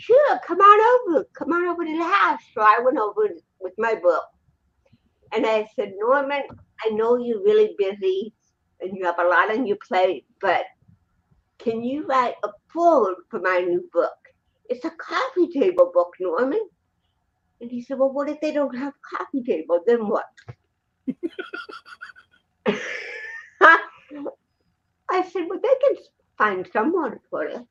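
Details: Dysarthria in an adult woman born in 1956 with congenital cerebral palsy, speaking in an interview.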